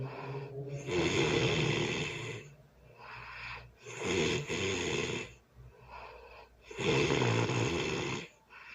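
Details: Person sleeping early Sunday morning: loud, rough snores on each breath in, about 20 a minute, with quieter breaths out between, music in background. Heavy snoring.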